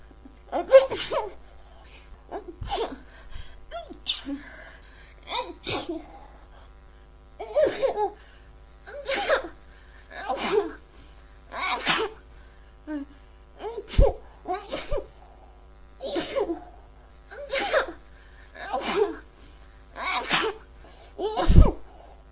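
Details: About a dozen sharp sneezes in quick succession, roughly one every two seconds: an endless, repeated sneezing fit.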